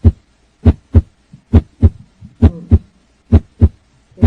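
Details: Steady paired lub-dub heartbeat at about 67 beats a minute with regular rhythm, as heard through a stethoscope over the heart; normal first and second heart sounds produced by valve closure.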